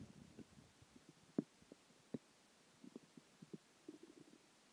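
Soft irregular gurgles and low rumbling bursts from the belly, the ordinary sound of digestion moving food, fluid and gas.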